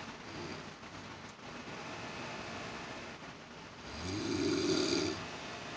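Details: Rough snoring noise on a single inward breath from an elderly woman, over a steady room hum suspected to be an air conditioner; poor-quality recording; snoring.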